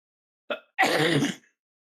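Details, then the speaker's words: Brief short cough then a longer harsh, rasping cough burst from an adult, a lingering cough persisting three weeks after being medicated for bronchitis. "Yeah, I don't know what's up with the cough. Like, I was medicated for bronchitis like three weeks ago and like I've still got like a weird bit of a cough."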